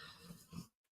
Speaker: Oh, that's my dog snoring. If you can hear any of that,